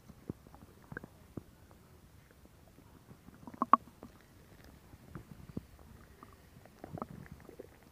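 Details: Stomach growling, gurgling bowel sounds (borborygmi) recorded for ASMR.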